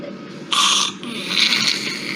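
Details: Difficult-airway patient in a neonatology tracheostomy-care lecture: a harsh, high-pitched, noisy inspiratory stridor, with an infant's strong cry breaking through at the end.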